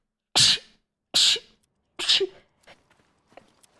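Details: Female streamer sneezing: three sharp sneezes in rapid succession, each a sudden hissing burst, followed by faint breathing.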